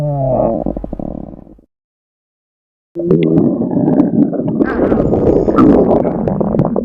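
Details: Female stomach growling sound effect: low, long gurgling and rumbling sounds from the belly (borborygmi).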